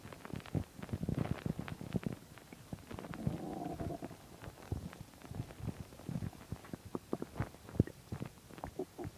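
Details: Stomach growling on an empty stomach: low rumbling and gurgling with bubbly pops and a longer growl midway; borborygmi.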